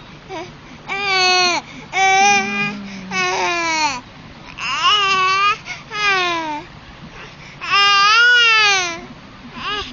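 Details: Five-month-old baby making repeated whiny, rising-falling fussing calls with short breaks, attention-seeking to ask mother for milk; infant fussing vocalization.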